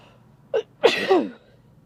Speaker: Oh, come on, sneeze. Oh, I lost it.